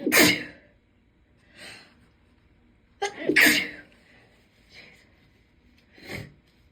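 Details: Two forceful, explosive induced sneezes from a female, each preceded by a sharp in-breath, followed by softer breaths and gasps.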